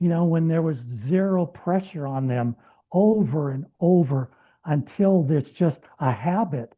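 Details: Adult man with lifelong stuttering, three months into a treatment program, speaking with his short-stops speech plan; he reports no stuttering since starting; treated stuttering (fluent, paced speech).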